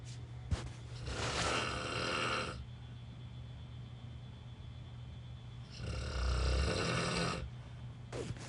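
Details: Terrible snoring heard while traveling, loud enough that the listener couldn't sleep: two long, harsh, rattling snores about four to five seconds apart, with steady room hum between.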